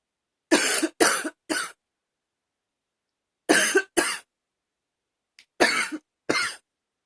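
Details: Seven hard, harsh coughs in three quick clusters separated by pauses, with gagging mentioned; hard coughing.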